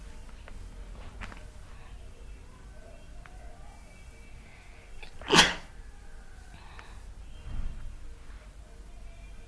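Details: Single loud, sharp sneeze against quiet room noise and faint music, then a softer sound; sneeze deliberately triggered by a small amount of sneezing powder marketed for colds and drowsiness.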